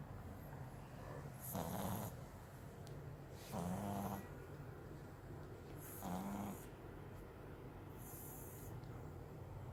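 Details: French bulldog Milo snoring: three loud snoring breaths with a low rattling buzz, about one every 2 seconds, against steady room hum; snoring.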